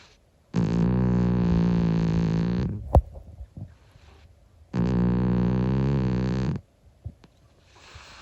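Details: 25-year-old calico cat snoring while asleep: two long, deep buzzing snores with quiet breathing and small clicks between them.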